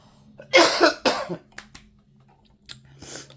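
Two quick, harsh coughs in succession from an adult woman, followed by faint breathing noises.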